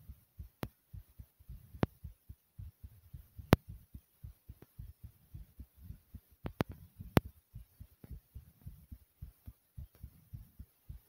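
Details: Fast, thumping heartbeat racing after jumping in place for a few minutes: sinus tachycardia after exercise.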